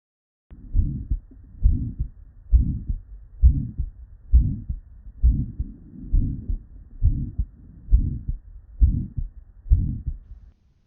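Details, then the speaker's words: 58-year-old woman with confusion and suspected high-output state (bounding pulses, elevated jugular venous pressure); cardiac auscultation, regular heartbeat about 67 a minute with soft early-peaking systolic murmur: flow murmur from increased flow across structurally normal valves. "What we heard is an early peaking systolic murmur, consistent with what we would expect to hear in a patient with a flow murmur. It reflects increased flow through the heart rather than abnormal valve structure."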